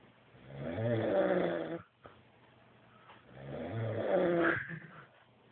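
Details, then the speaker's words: Drunk adult man asleep, snoring extremely loudly: two slow, rattling, growl-like inhaled snores with quiet pauses between. Snoring. "Und die Beatbox. Hier, gib mir der Schnarchbeat. Ende. Du schnarchst extrem."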